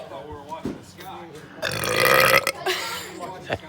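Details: A long, loud, rough burp rising out of talk and background noise; belching.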